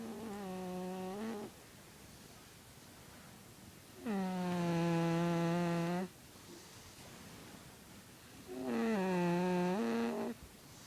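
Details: Pet cat snoring while asleep: three long, droning, humming snores over about eleven seconds with quiet pauses between them.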